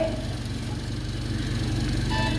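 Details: Ventilator running through its calibration cycle before use on an intubated patient, shown in nurse training: steady low mechanical hum with faint tones near the end; normal operation.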